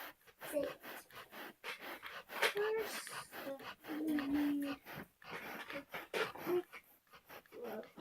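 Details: Sleeping female dog with tongue out, owner calls it loud snoring: quick, repeated breathy puffs fitting panting, with voices and room noise around it.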